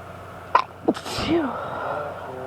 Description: Allergy fit with random sneezes and my husband blessing me :)